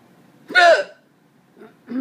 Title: The cats don't care about my hiccups